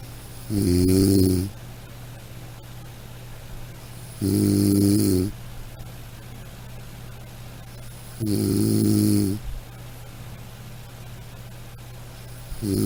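Steady, loud rattling snores on each breath in, about 15 a minute, with quiet gaps between.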